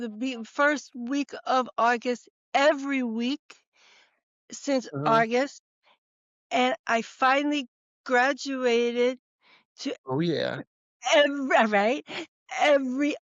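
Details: Woman, former educator of 30 years, stroke and TIA survivor, diagnosed about a month later by a neurologist, real speech: expressive aphasia (Broca's aphasia).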